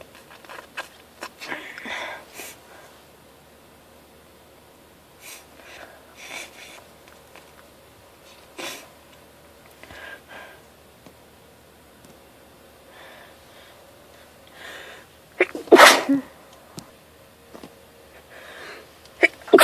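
Sniffs and short nasal bursts in a quiet room, ending in one loud sneeze; repeated sneezing from nasal irritation.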